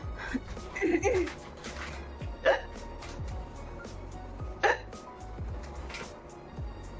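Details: Woman with sudden, very strong hiccups: a few abrupt hiccup sounds a couple of seconds apart, with background music playing.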